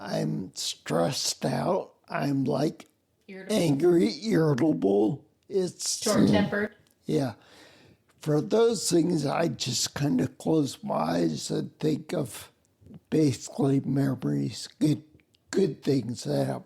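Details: Adult man with spinocerebellar ataxia, a rare neuromuscular disease with mobility challenges and noise-induced anxiety; slurred words that sound drunk, unclear on the phone; ataxic dysarthria.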